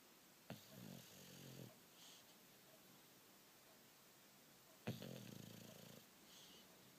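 Two loud rattling snores about four seconds apart, with soft breaths between: heavy snoring typical of a flat-faced dog.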